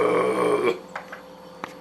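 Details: A single loud, low, voiced burp under a second long after chugging a beer, followed by faint room noise and small clicks: belching.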